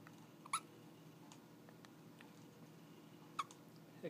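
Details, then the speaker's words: Baby girl's first hiccups while falling asleep, two short sharp hiccup clicks about three seconds apart; ordinary infant hiccups. "Hiccups. Hello. Oh, I thought they were gone. I thought she was falling asleep."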